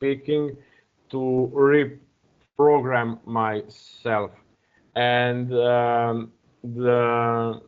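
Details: Adult man who stutters, speaking English as a second language, uses a speech technique of focusing on the first or second vowel of a word; heard with hesitations and repeated fillers; stuttering.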